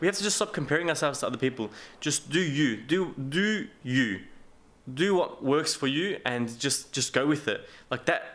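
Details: Adult man with a self-described mild speech impediment: a stutter or stammer he calls not bad, getting stuck for words, mumbling, slurring and fast speech; stuttering.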